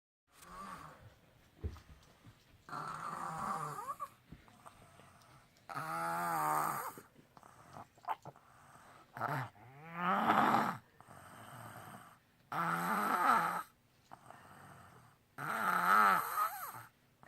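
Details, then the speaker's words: A 4-year-old girl asleep, snoring loudly with rough, slow, fairly regular breaths, about 20 a minute, in a quiet room; snoring. "She's really loud. What'd you say was hurting your ears? Because it's too loud."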